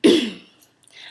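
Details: Phonic tic in Tourette syndrome, throat clearing, usually done twice, tics coming in bursts: a single short, harsh throat-clearing burst.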